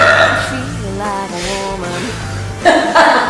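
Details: Repeated burping from a burp compilation: a long, drawn-out voiced belch with rising and falling pitch, followed by brief bursts of sound; burping.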